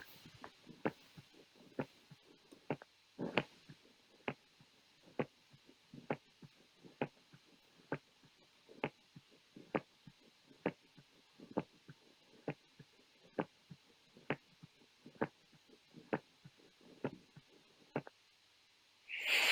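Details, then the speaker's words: Stethoscope auscultation teaching example of a heart click, attributed to a valve possibly not closing: regular sharp snapping heart sounds at about 66 a minute with a burst of noise at the end. "ini hard click ya, kelainan kayak ada unit klik karena ada ee katuk ya mungkin yang tidak menutup."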